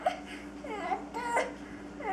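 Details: Young child asked to cry as if in pain, acting: brief whimpering, wavering cries.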